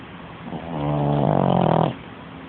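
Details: Snoring during sleep: a single long, rattling, fluttering snore lasting about a second and a half.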